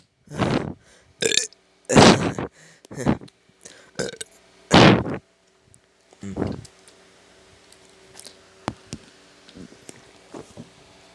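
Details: Several loud, drawn-out belches, each about a second long, then quieter room sounds; repeated burping.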